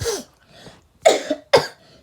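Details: Three short coughs from a sick child, the first softer, the last two sharp and forceful, with a quiet pause between; cough.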